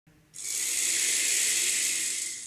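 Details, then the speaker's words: Miflonide capsule in an Aerolizer inhaler, patient inhaling through the mouth as rapidly and deeply as possible: a strong hissing rush of air with a rattling capsule buzz, showing correct inhalation. "now inhale through your mouth as rapidly and deeply as possible whereby a buzzing sound will indicate the correct inhalation"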